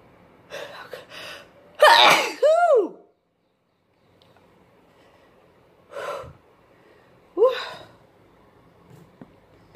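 A run of four sneezes, the first loud and forceful with a sharp inward gasp, the later ones shorter and partly stifled.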